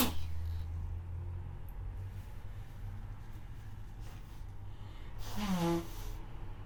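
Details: A sick, congested person is recorded; after a quiet stretch with steady room hum, one voiced sneeze bursts out near the end.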